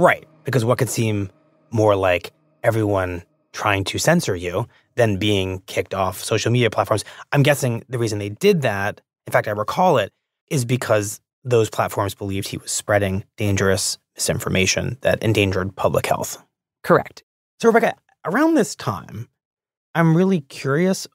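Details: Adult male speaker; normal speech.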